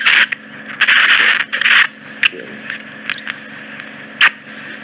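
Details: Final microsuction clearing around the canal edge after removing a large impacted wax plug from a woman's ear canal isthmus, eardrum slightly tender: loud hissing, scraping suction bursts with crackles; microsuction ear wax removal.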